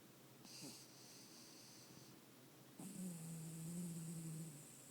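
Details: Low rattling snore on a drawn-out breath with a faint whistle from a tired, sleeping dog, with light talk beforehand.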